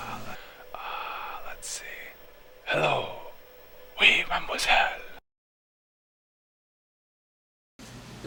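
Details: Whisper (voiceless speech): intentional, vocal cords held slightly apart, producing turbulent airflow white noise; not hoarseness.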